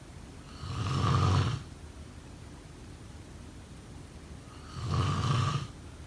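Two loud, rough, rattling snores on breathing in, separated by quiet breathing out, about one breath every four seconds.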